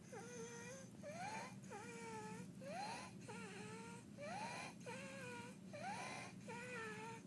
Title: baby with Croup Stridor Barking Cough visual & audio sound